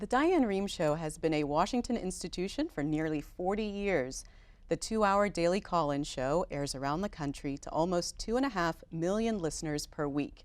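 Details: Adult woman speaking; normal voice.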